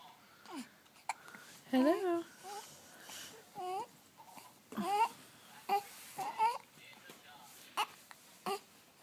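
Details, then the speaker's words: Baby hiccups: brief, sharp catching sounds at irregular intervals among fussy infant vocalizing. "hello uh oh you have hiccups"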